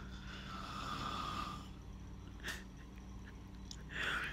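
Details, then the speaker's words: Woman sleeping in bed after bowel surgery where the intestine was reattached, on nasal oxygen and heavily medicated; long, rough, whistling snoring breath then a short snort, louder than her usual snoring, blamed on the medicine; snoring. "she's downstairs and you can hear her snoring she does doesn't snore like that on a daily it's just she's so like the medicine makes her so tired that she snores like that"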